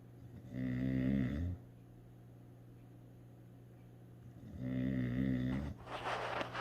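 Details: Dog snoring: two long, low, buzzing snores with a steady hum between them, then a soft snort.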